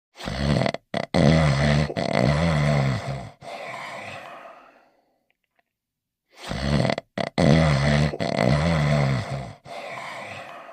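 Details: Two long, loud, rumbling snores separated by a quiet pause from a cartoon dog character sleeping in his bed; exaggerated, not real, snoring.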